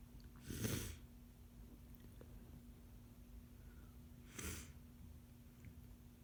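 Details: Adult sick with a cold, sneezing: two muffled sneezes a few seconds apart over a steady low hum.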